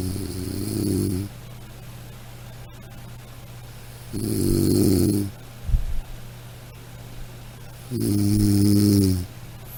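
Three loud, rough snores on breathing in, about 15 a minute, separated by quiet exhalations and steady low room hum.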